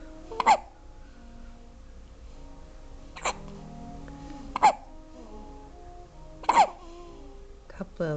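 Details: Alternating hiccups in baby twins: four sharp, brief hiccups at irregular intervals, about thirty a minute, soft music in background.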